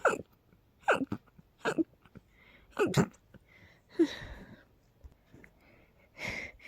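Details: Person with a cold, exposed to high pollen count and dust: a rapid run of about six short, sharp sneezes with quick breaths between them.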